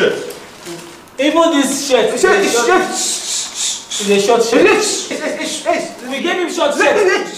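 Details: Adult speaker, acted comedy scene; typical speech.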